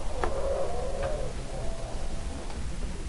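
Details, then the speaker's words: Lecture example of asthma: polyphonic wheeze, several high-pitched musical whistling tones overlapping and starting and stopping at different times during the respiratory cycle, contrasted with monophonic wheeze. "now what is considered a classic risk for asthma is its high-pitched musical that is discontinuous the key thing being a discontinuous that starting stops at different times during the respiratory cycle"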